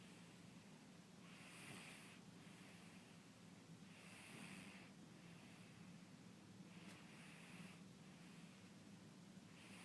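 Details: Cat snoring while napping; the little cat is snoring.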